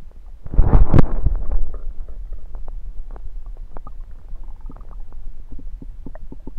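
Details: Abdomen recorded with a USB stethoscope: loud gurgling rumble, then a run of irregular soft pops and gurgles; ordinary active bowel sounds (borborygmi).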